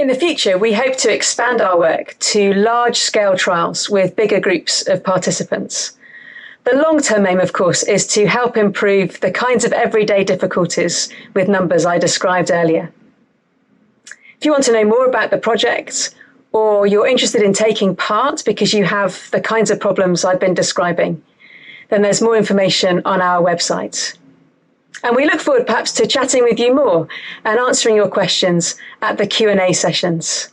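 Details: Adult woman speaking; normal speech.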